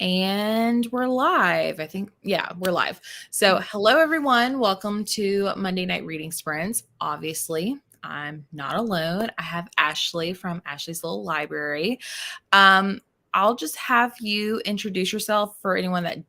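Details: Adult woman speaking; normal voice.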